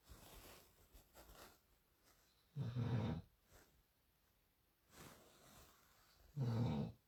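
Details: Loud, low, rumbling snores from a sleeping female dog, two strong bursts about four seconds apart with softer breaths between: snoring.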